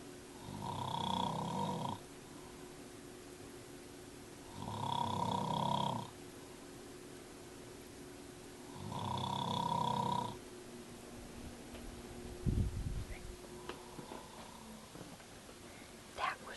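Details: Adult man sleeping in bedroom at 9 p.m., extremely loud snoring recorded while approaching from living room to bedroom door: loud buzzing snores every four seconds or so, about 15 breaths a minute, over room hum, quiet snuffles following.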